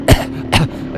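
Two short, harsh coughs about half a second apart, over a steady engine drone; a dry cough.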